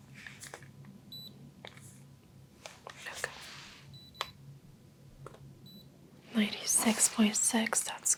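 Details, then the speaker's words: Faint electronic beeps of a forehead thermometer taking a temperature during vital signs in a soft-spoken role-play annual checkup of an adult with skin numbness complaints; whispered talk, followed by blood pressure measurement. "going to take your temperature. This will go on your forehead."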